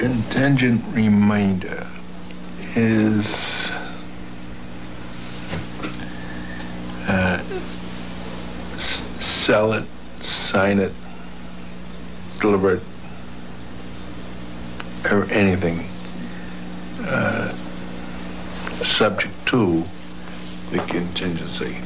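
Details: Adult man who had a stroke at 45 from a blood clot, affecting comprehension and expression, with slow effortful word-finding and comprehension limited to nouns and verbs, typical of Broca's area damage; non-fluent aphasia after stroke.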